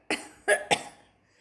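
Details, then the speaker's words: Person with hiccups: three abrupt, brief hiccup bursts in under a second, each with a sharp catch and a quick fade. "oh my gosh I just want to show you um because I have hiccups right now oh dear"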